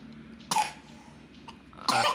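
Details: Two short, sharp coughs from a 3-year-old boy with a cough, separated by quiet breathing and room noise, while he practises reading; a plain cough.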